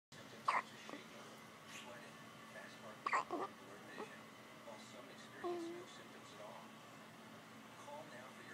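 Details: A child gives short, sharp, abrupt catches of breath at irregular intervals in a quiet room: ordinary hiccups.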